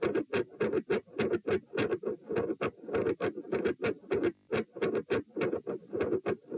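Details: Auscultation stress test at position P (rates 78–102–120–138 bpm across lying, sitting, standing, bobbing, standing; unusually loud supine): fast, very loud, harsh heart sounds about 100/min with abrupt intensity change; S2 murmur.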